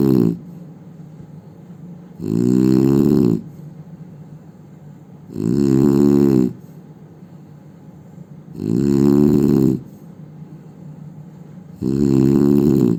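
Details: Indian man snoring: loud, throaty snores on each breath in, about every 3 seconds (roughly 19 a minute), with quieter breathing out between.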